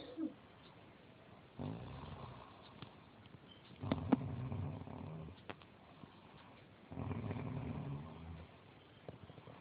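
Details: Adult woman (mother) snoring: three low, rough rattling breaths about every three seconds, roughly 20 a minute, with quiet gaps, on a muffled low-quality recording.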